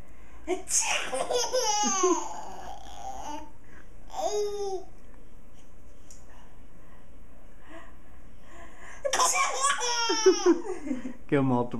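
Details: A baby's high, squealing bursts of laughter turn into sharp, sudden noisy bursts fitting infant sneezes, in a quiet room.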